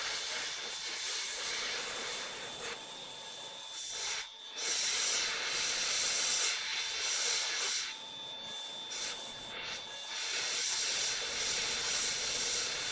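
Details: Hissing, gritty grinding with a thin steady whine as a red diamond bur smooths a phantom tooth's cutting edge and surfaces in repeated passes during classic veneer preparation.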